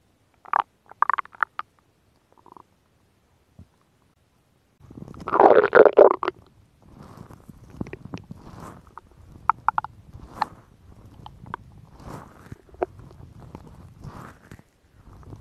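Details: Woman's stomach growling: scattered soft gurgles and clicks, then a loud bubbling growl, then irregular faint trickling gut noises; borborygmi.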